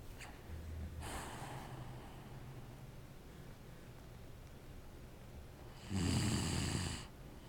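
Soft, low snoring breaths with a louder snorting snore near the end, over quiet room noise.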